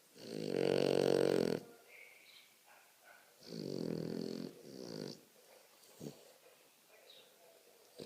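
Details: Loud, drawn-out droning breaths with a growly, vibrating tone, one long then a shorter pair; very heavy snoring.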